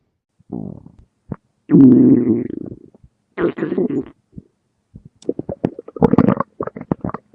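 Gurgling, squelching bursts of bowel sounds with short pops between them; stomach rumbling.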